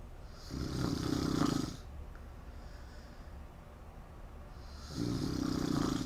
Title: snoring loud